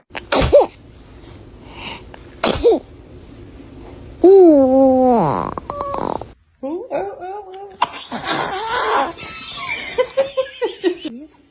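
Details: Baby sneezing: two short, sharp infant sneezes, then a brief high-pitched vocalization and babbling, with adult laughter in the background.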